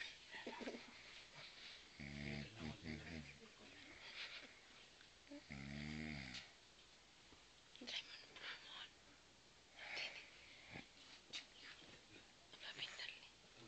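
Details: Two drawn-out buzzing snores over faint hiss and soft breath noises, possibly from a sleeping dog; ordinary snoring.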